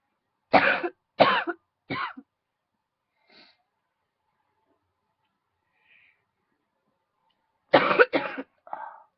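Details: Coughing set off by a huge throat tickle: three dry coughs, a pause with faint throat sounds, then another burst of three coughs; repeated coughing.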